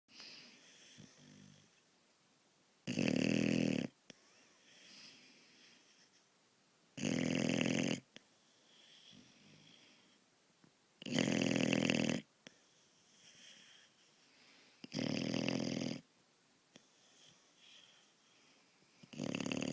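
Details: Loud, rasping snores with each breath, about every four seconds, roughly 15 a minute, softer sounds between, from a sleeping dog; snoring.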